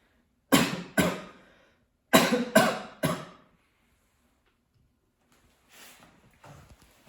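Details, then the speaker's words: Five sharp, forceful coughs, a pair, a pause, then a run of three, played as samples from a COVID-19 cough database where some samples came from COVID patients; faint room noise afterward; cough. "그럼 다음의 기침 소리 중 코로나 환자의 기침 소리를 여러분이 들어보시면서 구분해 보세요."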